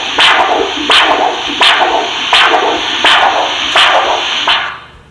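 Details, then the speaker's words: Lower-limb arterial Doppler with regular whooshing pulses at about 85 per minute, each with three distinct components: a triphasic arterial waveform indicating adequate blood flow, in the context of ankle-brachial index assessment. "you can actually distinctively listen to the three distinct waveform with three components for each pulse for each signal so they we call this a triphasic waveform and indicating there's enough blood flow"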